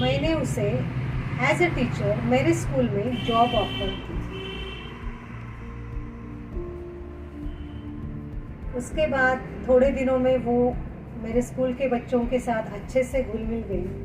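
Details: Adult woman; no disorder.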